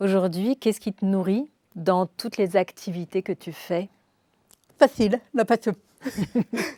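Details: Adult women in conversation; ordinary speech.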